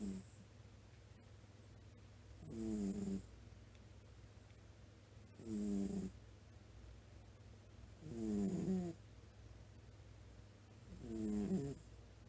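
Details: Sleeping cat snoring softly: regular buzzing snores about every three seconds, roughly 20 breaths a minute.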